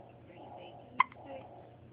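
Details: Baby girl with the hiccups: a single short, sharp voiced catch in a quiet room with a faint trailing click, an infant's hiccup.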